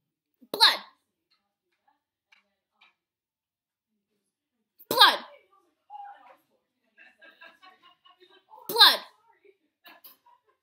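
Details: Person demonstrating their own tics three days after stopping Catapres medication: three sudden, brief, high-pitched vocal bursts at irregular intervals; simple vocal tics.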